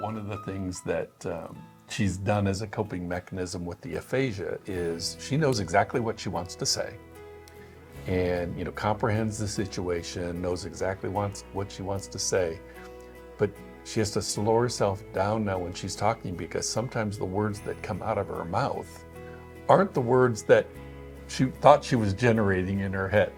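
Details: Adult man speaking; typical speech.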